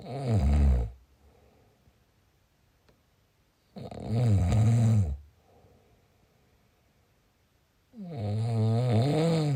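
Three loud, rough, low-pitched snores on breathing in, about 14 a minute, with quiet pauses between them: snoring.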